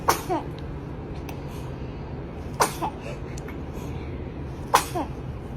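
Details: Three tiny, sharp sneezes about two seconds apart from a newborn baby, over steady background noise: newborn sneezing.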